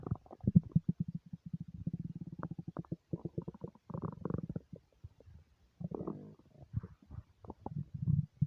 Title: nonstop stomach rumbles